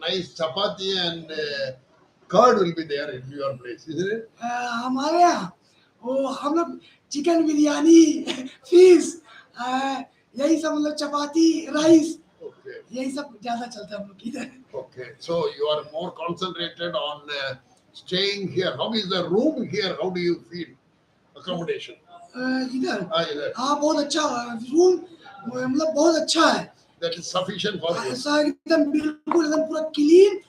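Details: Adult man speaking Hindi, voice problem since childhood; surgery advised elsewhere, instead after 4 days of voice therapy exercises, reports improved voice; puberphonia.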